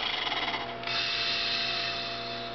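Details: A 10-year-old girl with cystic fibrosis blows into an Acapella oscillating PEP device, varying long slow and quick blows, producing a buzzing, rattling flutter to move mucus out of her lungs.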